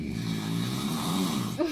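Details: Snoring from someone asleep in the house during a pre-dawn sahur meal: a steady, low, rumbling snore with a fluttering quality running through the stretch.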